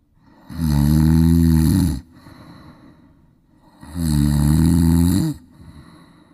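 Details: Adult woman (mother) gives two loud, low, rattling snores on inward breaths with quiet exhalations between, possibly produced deliberately on request; snoring.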